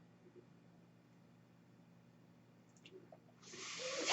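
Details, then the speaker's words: A man's own mechanical ventilator: quiet room hum, then a rising rush of hissing air as it delivers a breath while he talks. "My name is. That noise you're hearing is my ventilator."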